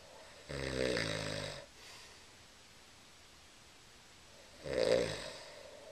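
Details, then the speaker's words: Adult sleeper snoring, recorded with a Flip Video camera: two loud, rattling inhaled snores several seconds apart in a quiet room. "roll over you're snoring"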